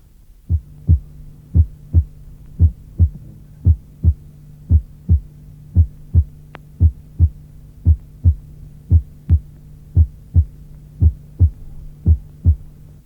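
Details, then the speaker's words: Normal first heart sound at the apex or slightly lateral to it, regular at about 57/min; it sounds single because the first component is louder and the second is usually imperceptible. "Dans ces cas, à la pointe ou légèrement en dehors, le bruit paraît unique parce que la première composante est plus forte que la seconde, qui n’est généralement pas perceptible."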